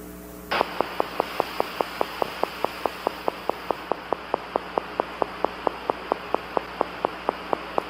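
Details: Needle EMG teaching example: regular train of brief sharp clicks over steady static, about three a second, gradually slowing: fibrillation potentials, a sign of muscle denervation.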